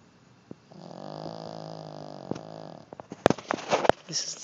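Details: Dog in deep sleep, hard to wake: one long, steady, buzzing snore lasting about two seconds, likened to a motorcycle, followed by scattered clicks and rustling; snoring.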